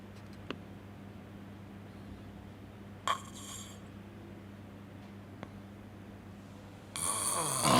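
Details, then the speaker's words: Adult who has snored for 20 years, with obstructive sleep apnoea: a brief snort, then a long near-silent breathing pause (sleep study showed about one minute nearly without breathing), then loud snoring resumes. "正常的打呼噜可能就是一个均匀的调子，它就是随着呼吸当中出现的这个声音嘛，不会有太大的变化。但是你看睡眠呼吸暂停综合症的这一类人，他在打呼的时候，他打呼在之前可能会打，也许是会打得很响，突然之间停了，他中间会有呼吸暂停。"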